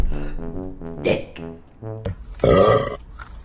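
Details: Several long, deep, voiced belches in a row with a brassy tone and music behind, from a woman (food dip and burp girl), deliberate belching; burping.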